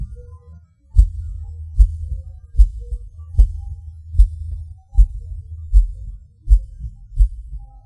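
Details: A person's own heartbeat: low thumps near 75 a minute over a low hum, mostly steady but with a longer pause before the first beat. It is an erratic rhythm with skipped and extra premature beats (PVC/PAC), felt as a falling sensation.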